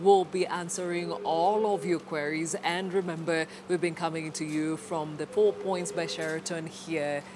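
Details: Adult woman, broadcast presenter; normal fluent speech.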